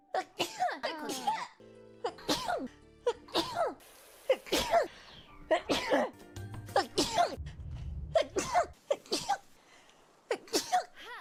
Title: Sneezed for 51 seconds #hololiveenglish #hololive